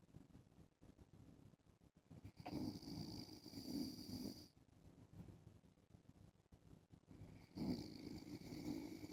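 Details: Adult man snoring while wearing a face mask because his daughter has a cold: two soft, airy, hissing, muffled snores about five seconds apart over faint room noise; snoring.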